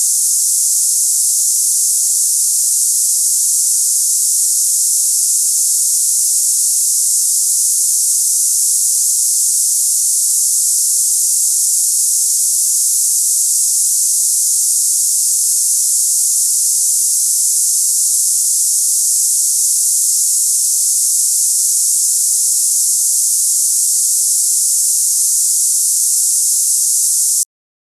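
Steady high-pitched hiss, like cicadas or steam, without a break; a simulation of hissing-type tinnitus.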